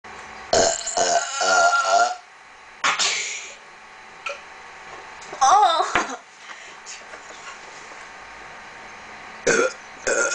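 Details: Two people in a burping competition, trying to burp the loudest and longest: several loud, deliberate burps, some long and drawn out, separated by pauses with faint room noise.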